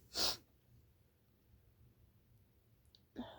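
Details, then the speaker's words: An adult sneezing repeatedly all day, possibly from allergies or a cold, recorded near 5 a.m.: one forceful sneeze followed by quiet breathing and room noise. "today it's been like Lush like wow gosh my sneezes to happen so strong I don't know why"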